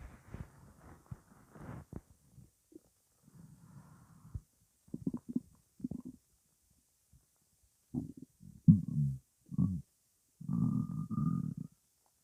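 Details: Stomach rumbling (borborygmi) from gas alone: low gurgling and bubbling rumbles in irregular bursts.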